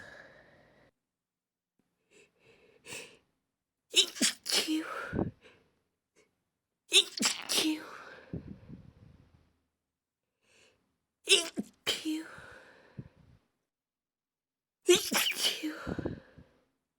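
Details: Several high-pitched, partly held-back sneezes from a female, each with a quick intake and a sharp burst; stifled sneezing.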